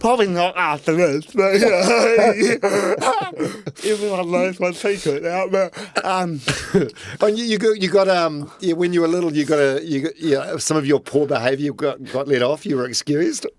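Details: Adult speaker; typical speech.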